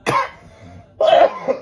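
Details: Adult gives two sharp cough bursts about a second apart in a quiet room after smelling a strong cologne with coffee notes; irritant cough.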